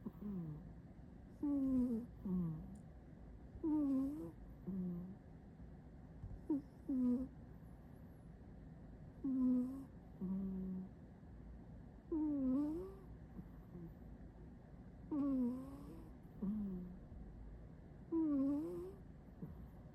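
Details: A sleeping cat snores with whistly, tonal snorts on each breath, about 21 breaths a minute: snoring.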